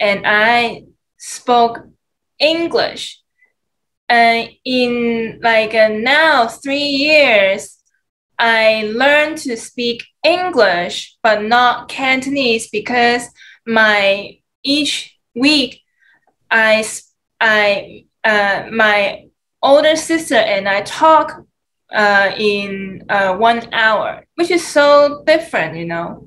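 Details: Adult who spoke Cantonese, English, Mandarin and Shanghainese and acquired aphasia in the USA; aphasia.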